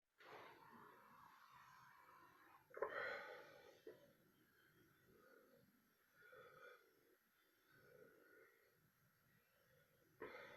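Several low, rumbling throaty bursts over about ten seconds, with faint room noise: repeated burping (belching).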